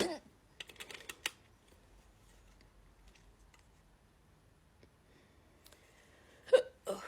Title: Woke up with hiccups